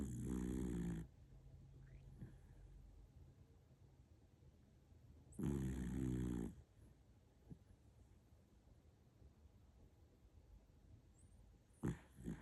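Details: Deep rumbling snores on each breath, roughly five seconds apart, in a quiet room from a sleeping dog: dog snoring.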